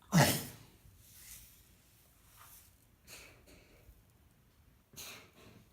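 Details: Cough due to lungworm in a grey seal under rescue care: coughing and spluttering, with blood seen at the mouth.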